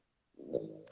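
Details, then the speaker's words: A sleeping dog lying next to its owner snoring: after a brief silence, a single low, buzzing, rattly breath sound, loud enough to be likened to needing a sleep apnea machine. "it sounds like your dog it sounds like your dog needs a sleep apnea machine what is going on there you can hear it yeah you can hear him quite clearly"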